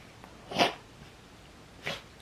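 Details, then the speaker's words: Two short, harsh snorting breaths through the nose from a small pet dog: reverse sneezing, which the vet called common; the owner suspects allergies. "You got that reverse sneezing. That poor, reverse, I think it's allergies."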